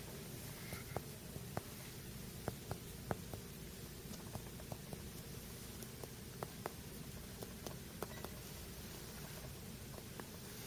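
A series of hollow finger taps over the back of the chest, with steady room hum behind, giving a normal resonant percussion note over the lungs.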